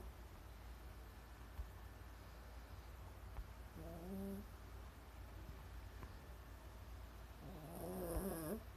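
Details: Female pet snoring, not at her loudest: quiet low rumbling snore with a couple of brief squeaks over room hum, before she wakes up; ordinary sleep snoring.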